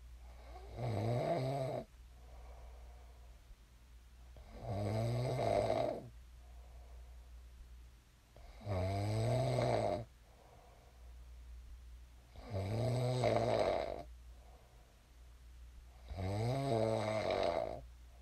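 Five loud rattling snores on each breath in, about 15 breaths a minute, with quieter breaths out between: regular snoring in sleep.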